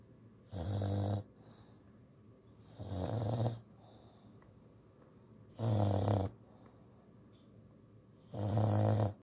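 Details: English Bulldog snoring loudly while asleep: four loud, low, rattling snores in a slow, somewhat uneven rhythm with quiet breaths between, heavy snoring in a flat-faced dog.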